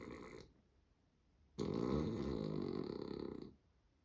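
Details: Female dog, Chica, sleeping while wearing a shawl over a neck bite wound from a week ago: rumbling, vibrating snore of about two seconds after a softer one; her usual snoring since puppyhood.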